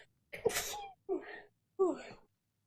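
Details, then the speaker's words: Sharp sneeze burst followed by two shorter vocal sounds in a quiet room; ordinary sneeze from a sneezing compilation. "Oh, excuse me. Holy shit. Gott. Entschuldigung. Gesundheit. Danke. Oh no, I have to sneeze"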